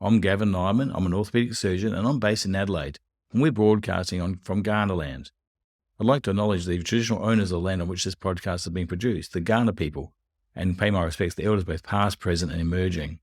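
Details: Adult male speaker; normal speech.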